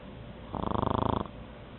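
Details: One short, buzzing, fluttering snore lasting under a second from a pug dog napping; snoring.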